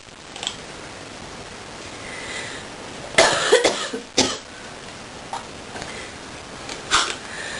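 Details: Deep coughing fit: a short cluster of harsh coughs, then a few isolated coughs, over a steady background hiss.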